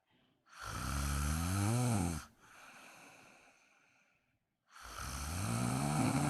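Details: Woman snoring during a daytime nap, wondering whether she needs a CPAP mask: loud, rough snoring on the in-breath, a softer out-breath, then another snore; typical sleep snoring.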